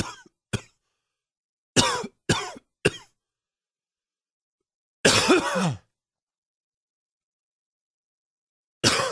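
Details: An adult's morning smoker's cough: a series of harsh, rough coughs with gaps between them.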